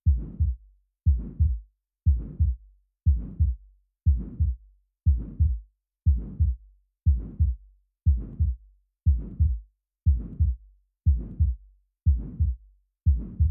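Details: An aortic stenosis murmur in an educational 3D animation: a steady heartbeat at 60 per minute with a harsh murmur filling the gap after each first sound.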